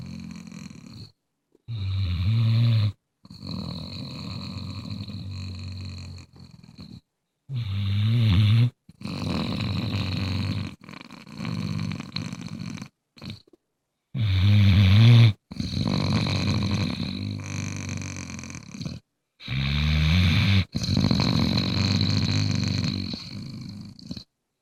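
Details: A sleeping Bluetick Coonhound snores in loud, low, rattling bursts separated by brief quiet pauses.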